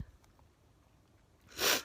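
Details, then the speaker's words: Man, after his first day back at work, breathing quietly, then one sharp, loud burst of air at the end; a single sneeze. "i'm probably allergic to work no actually i quite like my work it's because i'm talking i'm gonna stop sneezing"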